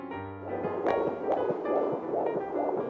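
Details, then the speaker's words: Fast, rhythmic whooshing pulses of a fetal heartbeat on early pregnancy ultrasound, with music in the background; high hCG levels, two gestational sacs seen but only one baby, so a singleton pregnancy. "so no twins nope but your body tried do you want to hear your baby's"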